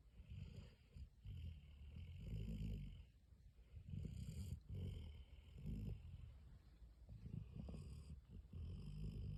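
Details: Weimaraner dog asleep on the couch, snoring.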